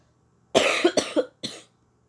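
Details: Child with a common cold, reportedly caught after getting rained on, at home in the living room in the evening: three short coughs in a quiet room, the first a quick double burst.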